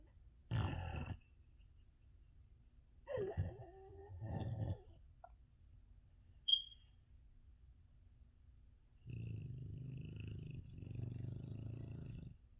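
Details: A female dog sleeping right next to the listener's ears snores loudly: several low, rough snores with quiet pauses between them. Snoring.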